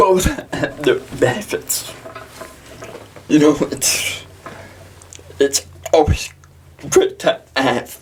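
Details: Dysarthria in a 23-year-old man with cerebral palsy, speaking in a podcast interview.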